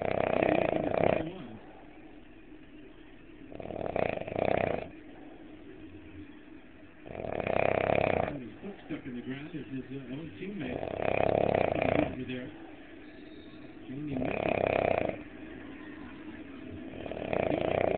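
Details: Adult man snoring: loud, rough snores on each in-breath about every 3.5 seconds, roughly 17 breaths a minute, with quieter breathing between.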